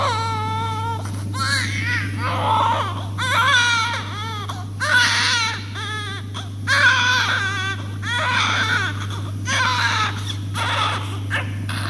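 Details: Little baby crying during suctioning: repeated rising and falling cry bursts over a steady electrical hum.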